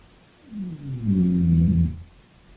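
A single low, rumbling, tonal snore lasting about a second and a half, rising and fading smoothly.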